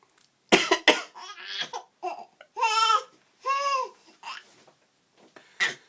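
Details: A father gives a couple of sharp adult coughs, and his 5-month-old baby responds with squealing laughter and babble; ordinary cough sounds.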